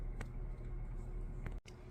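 Steady low motor hum with a few brief hissing bursts as a suction line is primed.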